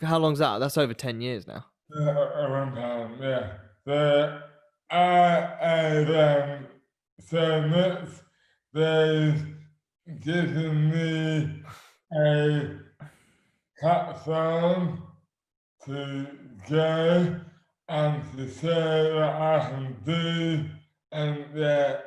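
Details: Adult man with dystonia; slurred speech began suddenly overnight after a night out on the May bank holiday 2008, without known cause; hands also affected; speech dramatically impaired; dysarthria (oromandibular dystonia)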